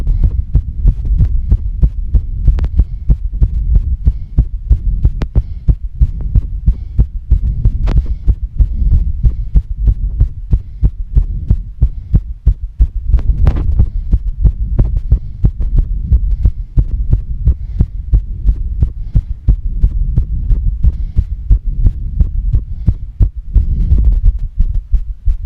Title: fast female heartbeat with heavy breathing